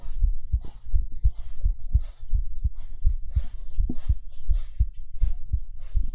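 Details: Soft low heartbeat thumps near 80 a minute under hissy whispering and mouth sounds, recorded on a 3Dio binaural microphone during a live girlfriend-experience ASMR stream with kisses; heartbeat.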